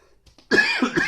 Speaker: sorry about my voice and coughing but I'm just getting over the flu so I apologize